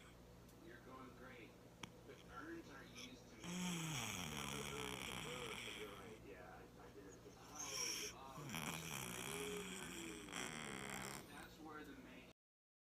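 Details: Cat sleeping on a kids' loft bed: soft, raspy breathing noises in slow cycles, quiet voices in background; snoring.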